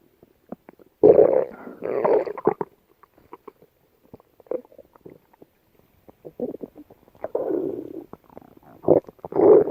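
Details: Yellow Labrador dog gut sounds: gurgling, rumbling bursts with scattered clicks and quiet gaps; bowel sounds (borborygmi).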